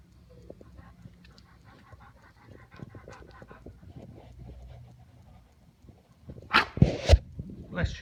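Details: An American Bulldog sneezing during play: quiet, low rustling, then two or three sharp, loud bursts of air near the end.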